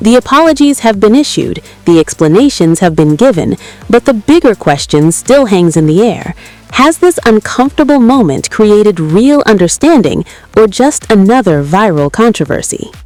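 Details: Adult female narrator; normal fluent speech.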